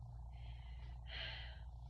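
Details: Normal breath sounds over the left anterior chest (upper then lower lobe), woman breathing deeply in and out through her mouth during a respiratory assessment: two soft airy breaths, in then out, over steady low room hum.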